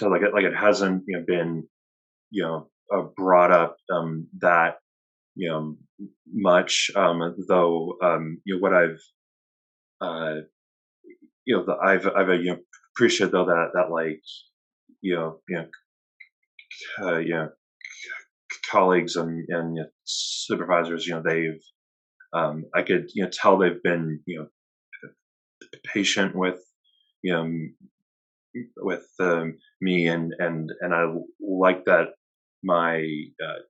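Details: Retired male academic who stutters; spoke only with great difficulty when young, now has reasonably good control most of the time; part-word and word repetitions heard; stuttering.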